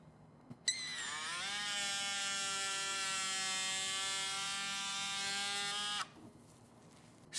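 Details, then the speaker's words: Oscillating saw cutting an OSSIOfiber threaded trimmable nail to length during intramedullary metacarpal fracture fixation technique: buzzing saw starts, runs steadily about five seconds, then stops. "once we marked the thread nail the appropriate length we're now going to cut the nail using oscillating saw you can hold two ends with a hemat"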